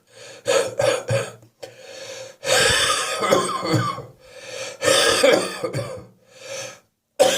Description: I've got a real wheeze on my chest this morning - which should please fans of my wet, wheezy, chesty cough.